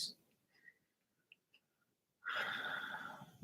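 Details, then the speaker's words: A female pet dog sleeping in the background gives a single loud, rough, rattling snore after faint breathing, about half an hour into a live stream; dog snoring. "So, and my dog's snoring in the background. If you hear all this noise, she's like super loud tonight. This damn dog, I tell you. I've been on here for half an hour, and she's already snoring out of her"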